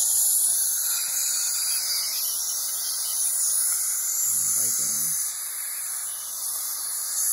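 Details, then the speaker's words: Dental cleaning using a DryShield mouthpiece with Nu-Bird suction mirror to reduce aerosols: steady high hiss of suction and ultrasonic scaler spray, with a brief murmur of a voice. "alright guys in this video I'm going to show you me using a dry shield mouthpiece with new bird suction better"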